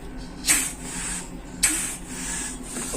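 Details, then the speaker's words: Air leaving the output suction line of an opened suction machine whose motor drives two pistons: steady hissing airflow with two sharper rushing bursts over a low motor hum. "part of the suction machine is that motor and this motor shaft is connected to two pistons which is created that suction pressure see how two pistons are moving and creating that suction pressure"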